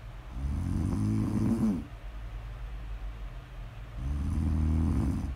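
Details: Two long, low, buzzing snores with a quieter pause between, over faint room hum; snoring during sleep.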